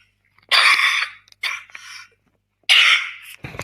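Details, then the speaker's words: Adult woman with husky, deeper-than-usual voice during a live stream gives three harsh, noisy cough bursts with quiet gaps between them; cough. "excuse me I'm just going to have a drink I think I'm doing quite well with this cough you know can you hear how husky my voice is"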